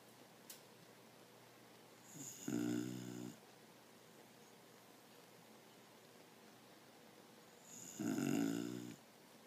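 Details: Dog asleep on a couch in a funny position, two loud buzzing snores about six seconds apart, quiet breathing between; snoring.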